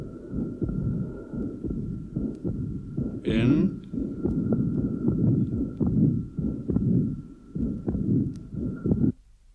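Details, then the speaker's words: Lower sternal border of a 55-year-old with tricuspid stenosis and incompetence: fairly soft first sound, blowing pansystolic murmur and fairly long diastolic murmur, marked respiratory variation, louder on inspiration; steady background hum. "the first heart sound is fairly soft there is a great two blowing panc stolic Mur and a fairly long diastolic Mur in"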